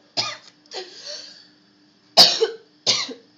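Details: Three short, sharp coughs from an adult, with a longer voiced throaty sound between them; a faint steady hum underneath; cough recorded on a phone.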